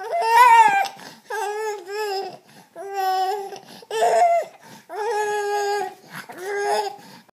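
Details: A baby boy cries in repeated short, tonal wails with brief breaths between them, in a small room; infant crying.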